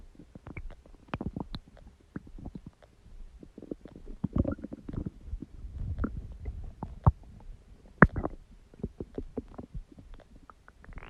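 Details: Stomach growling: irregular low gurgles, squelches and rumbles from the belly as gas and fluid move through the gut, with music in the background.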